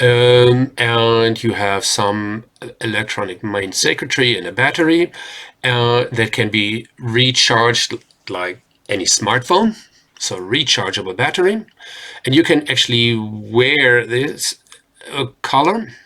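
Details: Adult man speaking; Ordinary speech.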